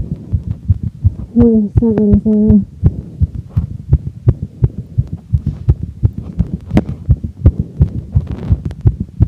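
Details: Woman's heart after exercise: very fast, regular, muffled sinus tachycardia, starting at 203 bpm and slowing to 160 bpm per heart-rate monitor watch; faint recording.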